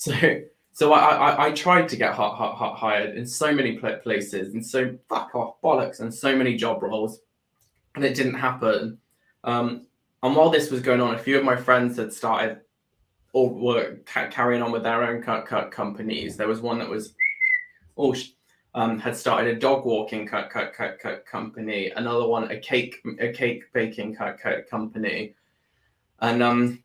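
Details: Adult man with Tourette syndrome that began about four years earlier after an illness with seizures and brain swelling; tics include whistling, shouted words, head and arm tics; stammer with repeated words, worse under stress. Vocal tics and stammer.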